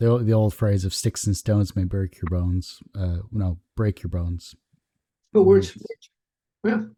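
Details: Adult male speaker; normal speech.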